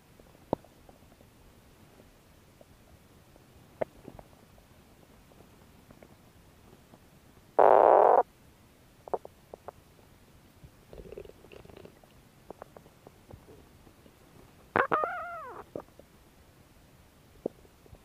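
Sparse faint clicks, a loud short growl and a later squeaky gurgle over a quiet background: normal stomach growling.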